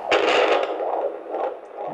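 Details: Midwife's Doppler check during pregnancy follow-up: brief rushing noise with fast, soft pulsing, a normal fetal heartbeat.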